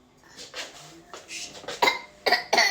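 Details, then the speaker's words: A toddler boy gives three short, forced coughs when his mother asks him to show how to cough; a normal voluntary cough. "you cover your mouth why coughing right Show Mommy how to cough Show Mommy how to cough"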